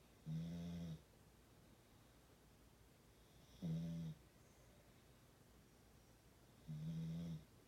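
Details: Extreme snoring, loud enough to shake the body: loud, low, buzzing snores about every three seconds, roughly 18 a minute, with quiet pauses between; heavy snoring.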